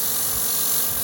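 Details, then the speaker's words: Steady hissing rush of air with a low mechanical hum: an AirSep VisionAire 5 oxygen concentrator venting built-up high-pressure air through an outlet muffled with a sponge, on a unit with a high-pressure beeping issue. "high pressure air is building up and it's letting out, you know."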